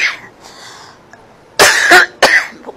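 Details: Adult woman with a chronic, heavy, frequent cough and phlegm, during a breathing and chest treatment session, gives three loud, harsh, forceful coughs in quick succession after a quiet start.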